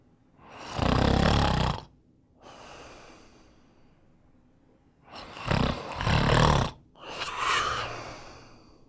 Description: Snoring sound. Male sleeping and snoring. Human sounds.